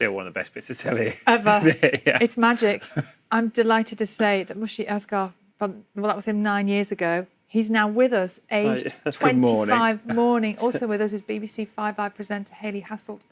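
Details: Adult female broadcaster; Normal fluent speech.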